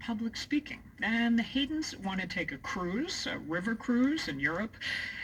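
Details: Adult woman speaking; typical speech.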